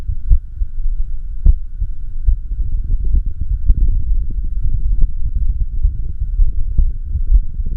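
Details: Self-recorded echocardiography of the person's own heart during an arrhythmia: low whooshing heart sounds over a steady hum, with strong beats at uneven intervals, an irregular heartbeat.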